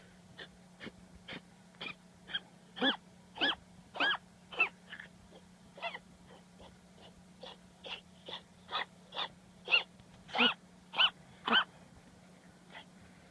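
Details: Miniature dachshund with vet-diagnosed bronchitis: rapid, noisy breaths carrying a high whistling wheeze, before treatment with antibiotics and cough medicine and full recovery.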